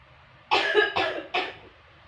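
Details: Acted demonstration of the effective (controlled) cough technique by a nursing student in a clinical practice assignment: three forceful cough bursts in quick succession.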